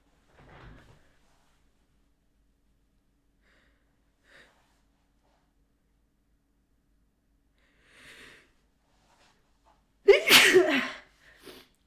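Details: Female sneezing: several soft breaths, then a sharp sneeze with a brief voiced cry and a small sniff afterward.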